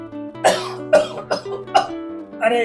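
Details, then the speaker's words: Acted cough in a cough-syrup advertisement: four sharp coughs from an adult man over steady background music. "तुम्हें तो बहुत ज्यादा खांसी है"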